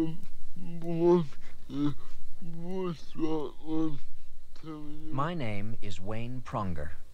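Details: Adult man born with cerebral palsy in 1942, in a recording from around 1979; dysarthric speech (cerebral palsy).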